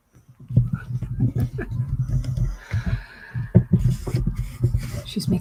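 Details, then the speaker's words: Sleeping dog snoring close to the microphone in a quiet room: loud, low, rumbling snorts and grunting breaths; dog snoring. "me sleepy she's making me very sleepy and she snores like that"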